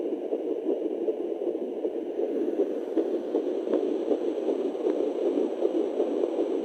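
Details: Fetal heartbeat at 9 weeks of pregnancy on a fetal Doppler: fast, whooshing pulses at about 160 a minute.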